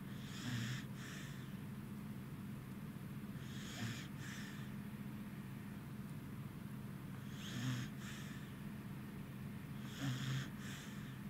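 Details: Tired Corgi dog sleeping beside another dog: soft, regular snorting snores with short whistly breaths about every 3 seconds over a steady background hum.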